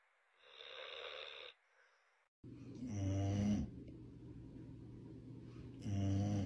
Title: Funny dogs snoring very loudly while sleeping Compilation 2022 😴😜